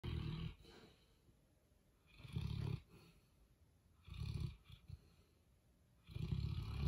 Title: My dog snores louder than your dad